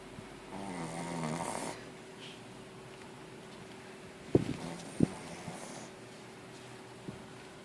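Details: One rattling snore, then quiet breathing with a few sharp clicks and a steady faint hum; ordinary snoring.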